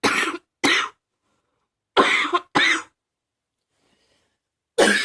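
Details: Persistent adult cough attributed to allergies: five short, loose-sounding coughs in pairs with quiet pauses between them, the last cut off.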